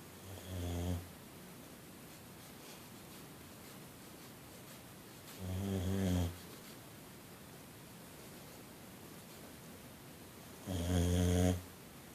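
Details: 6-year-old boxer asleep after a long day at the kennel: three low, fluttering snores about five seconds apart, roughly 11 breaths a minute, with quiet room noise between.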